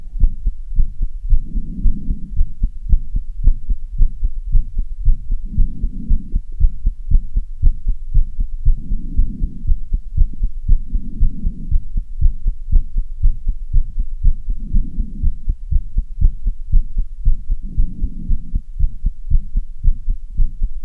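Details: Heartbeat after half an hour of running on stairs, with fatigue and heavy breathing: fast, regular low thumps near 118 a minute with heavy breathing swells, exercise-induced tachycardia.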